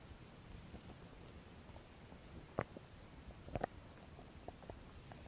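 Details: Faint scattered gurgles with a few brief louder pops against a quiet hiss; ordinary stomach growling, normal bowel sounds, recorded as ASMR belly noises.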